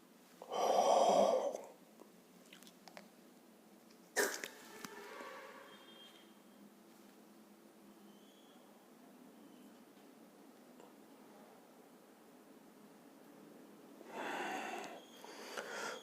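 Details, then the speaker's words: Metered dose inhaler technique demonstration: inhaler shaken, held between teeth with lips sealed, a hissing burst and sharp click as it is pressed while inhaling at the same time; hand-mouth coordination needed, and the demonstrator notes coordination was not perfect. "इस प्रकार से आपको सबसे पहले इसको दबाना है और जब आप दबा रहे तभी आपको इन्हेल भी करना है अब इसमें कोऑर्डिनेशन लगता है"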